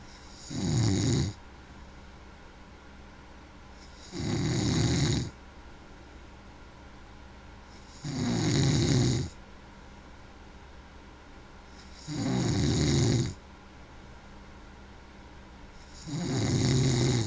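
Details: A man snoring: loud, regular rattling snores on each breath in, about 15 breaths a minute, with quiet breaths out between; ordinary heavy snoring.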